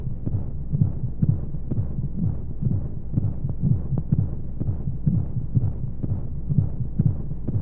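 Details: Womb-sound sleep aid for babies: muffled rhythmic whooshing thumps at roughly 120 a minute under steady white noise; heartbeat as heard inside the womb.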